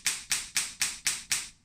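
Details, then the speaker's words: Radial shockwave therapy (rESWT) handpiece demonstrated at a foot and ankle clinic: an internal ball bearing fires at a low-rate, high-impact setting, giving six sharp, evenly spaced taps at about four per second. "This is applied to the skin, just like that, and when the machine is turned on, the ball bearing fires up and down at a different rate."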